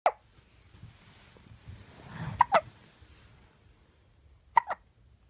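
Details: Short, sharp, quiet catches every couple of seconds, some in pairs, against faint room noise from a 10-day-old baby boy; infant hiccups.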